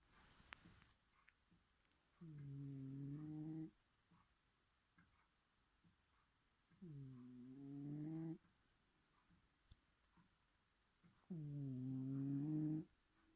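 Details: Cat snoring loudly: three long, low, droning snores about every 4.5 seconds, separated by quiet pauses, in a small quiet room.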